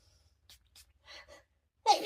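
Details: A few soft breaths and sniffs after smelling perfume, then one sudden explosive sneeze at the end; a single sneeze from a perfume allergy, in a staged sneeze scenario.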